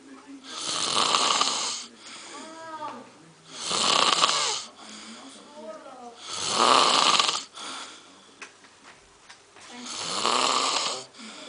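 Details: Loud snoring: four loud, rattling inward snores with soft whistling and squeaky sounds between them, about twenty breaths a minute.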